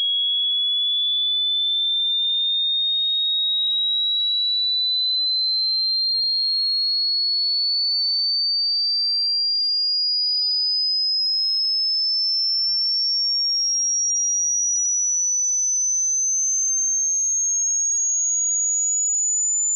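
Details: Hearing frequency sweep from 20 Hz to 20,000 Hz for tinnitus pitch matching: pure, steady high-pitched whistle climbing slowly and evenly in pitch.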